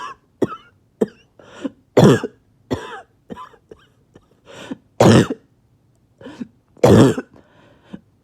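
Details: Adult barking cough after about two days without sleep: about a dozen harsh, abrupt coughs in irregular bursts over eight seconds, some loud and forceful.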